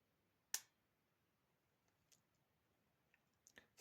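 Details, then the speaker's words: Lancing device of a BioSense Pro glucometer, spring cocked and pressed to the finger: a single sharp spring click as the needle pierces the fingertip for a home blood sugar test, then faint handling noises. "Все, пружина спрацювала і голка пробиває палець."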